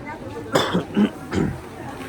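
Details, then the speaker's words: Adult outdoors at a market, ill with allergies and coughing often, gives a short run of about three harsh, dry coughs over faint background noise. "Ahí disculpen, ¿no? Porque ando tosiendo, porque sí, ando algo enfermo, la verdad, como tengo alergia, sí, por eso ando tosiendo,"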